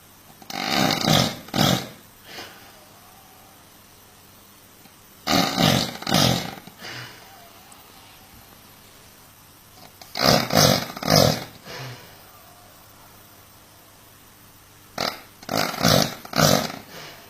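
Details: Heavy snoring: loud, rough snorting bursts in pairs separated by quiet pauses of several seconds.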